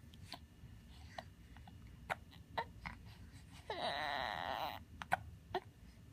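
Repeated brief soft hiccup clicks with a short whimpering cry in the middle, in a quiet room.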